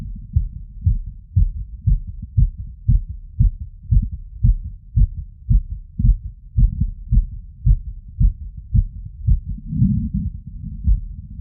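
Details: Heart auscultation with a wireless cardio stethoscope after a 3 km run, standing in a light tilt, all frequency modes, over valve areas and Erb's point: fast, regular low thumping at about 150 bpm. Exercise tachycardia.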